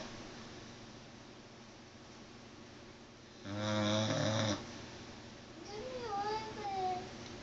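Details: Pit bull sleeping: one loud, buzzing snore on an in-breath, then a softer whistling breath, over steady room hiss; loud snoring.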